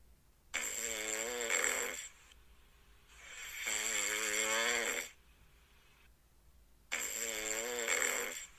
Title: haha.. snoring cat#catlover#fyp#for you#trend#short video #viral